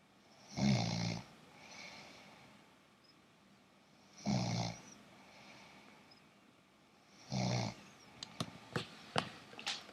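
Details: Sleeping man snoring: three short, low, rattling snores about three to four seconds apart, followed by a few sharp clicks; ordinary snoring.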